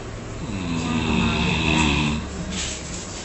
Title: zaza snoring